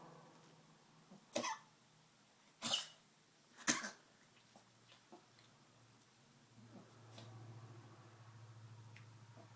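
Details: Soba, 13+-year-old Maltese with degenerative valve disease (heart murmur, enlarged heart, leaky valve): three harsh, dry honking coughs in quick succession, then quiet breathing; tracheal cough, per cardiologist not heart-related, unlike congestive heart failure coughing.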